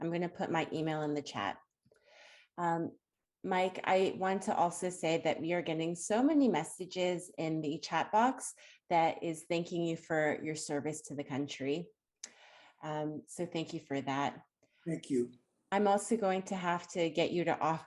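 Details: Adult woman speaking; normal speech.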